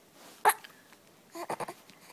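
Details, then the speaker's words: Baby with hiccups while sitting in a chair: a single sharp, abrupt catch of breath followed by soft fussing sounds, a hiccup. "what is that face all about do you have the hiccups do you have a day"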